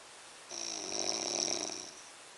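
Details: A single drawn-out breath with a fluttering, rasping rattle in a quiet room: one snore.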